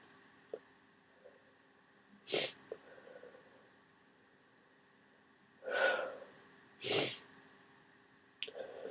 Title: Huge cold sneezes